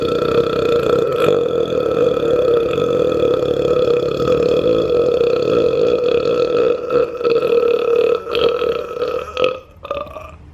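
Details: One long, loud, sustained tonal burp lasting about ten seconds, fading at the end; burping.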